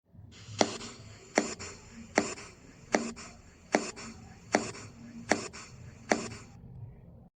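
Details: Tympanic percussion note.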